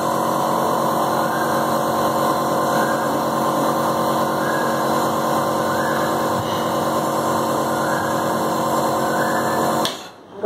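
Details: Newly unboxed nebulizer compressor running: a steady, loud mechanical buzzing hum that stops abruptly near the end.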